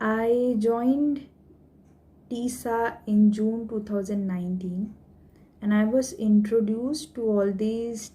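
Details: Voluntary stuttering by a woman who stammers, deliberately stammering at will as a stammering-management technique.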